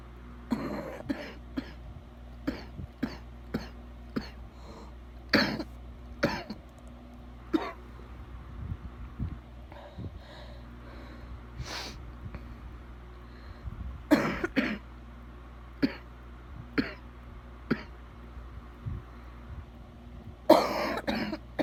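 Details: Adult with bad wet coughing: repeated short, loose coughs with throat clearing, with a steady low hum behind.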